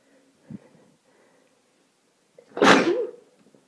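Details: Adult with seasonal spring allergies (sneezing all day in March, watering eyes, itchy nose): a faint breath, then one loud, forceful sneeze in a small room; sneezing from allergic rhinitis.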